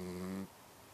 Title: Mouse snores!